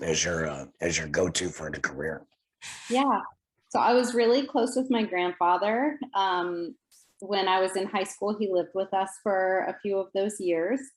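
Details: Adult women in conversation; normal speech.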